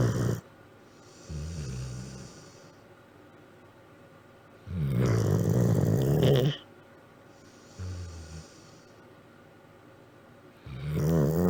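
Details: Loud, rumbling snores about ten breaths a minute, each followed by a softer snort on the other half of the breath, in a sleeping dog: snoring.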